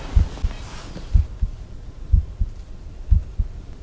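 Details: Stethoscope bell at the mitral area, patient turned onto the left side, during an undergraduate cardiovascular examination demonstration: regular low lub-dub heart sounds at about 60 beats a minute.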